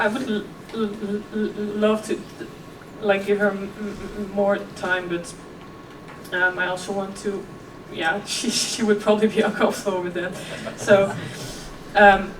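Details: 26-year-old woman who has stuttered since early childhood: effortless as a child, covert stuttering at ages 11–15. She speaks at a keynote on stuttering and OCD. Stuttering.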